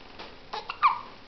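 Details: A few soft, abrupt little bursts, the last with a brief squeaky chirp, from a cat named Ava with hiccups.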